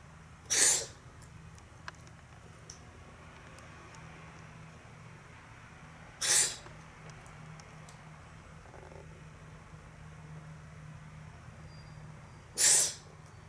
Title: くしゃみが止まらない美猫Cat can't stop sneezing